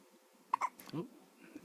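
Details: Newborn baby girl's first hiccups since birth, after frequent hiccups in the womb, hiccups shaking her whole body: a quick pair of abrupt catches followed by a short throaty sound in a quiet room; hiccup.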